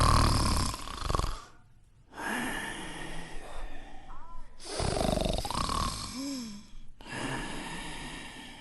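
An adult man acts out loud, rough snoring, with deep rattling breaths repeating in cycles.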